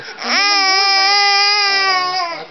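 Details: Baby boy crying: a single loud, sustained, clear-toned wail lasting about two seconds; normal infant cry.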